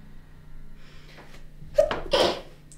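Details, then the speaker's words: An adult, feeling everything tingly, gives a quick inward breath then a sharp, explosive sneeze in a quiet small basement room. "I have to sneeze. Just let it out. It's just, everything is so tingly."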